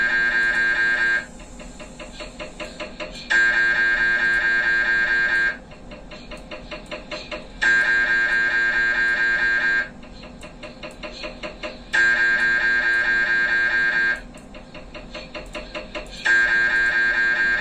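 Loud, steady buzzing tones in repeating blocks of about two seconds, switching between two pitches: the normal knocking and humming of an MRI scanner.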